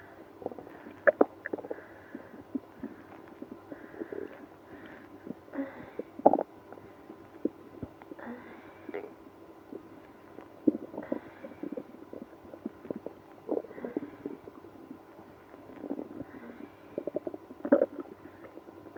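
Frequent gurgles, squeaks and low rumbles from the belly throughout; active bowel sounds, stomach growling.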